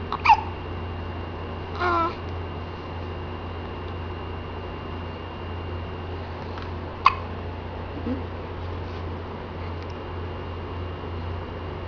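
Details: Hiccups and a yawn recorded on a Kodak C182 digital camera: a few brief, sharp, abrupt hiccup sounds spaced several seconds apart over steady room hum.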